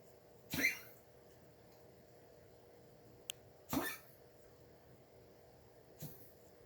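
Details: Three short, harsh, forceful expiratory bursts a few seconds apart with a faint click between: a cat coughing in the morning.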